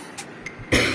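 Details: A single forceful cough burst demonstrated as a nursing effective-cough (huff cough) exercise for clearing phlegm.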